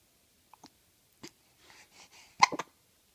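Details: Baby hiccups: several short, sharp catching sounds with soft breathy noises between them.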